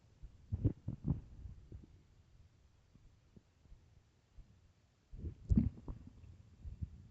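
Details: Loud low gurgling rumbles in two bursts with quiet between, from an empty stomach: normal stomach growling, borborygmi.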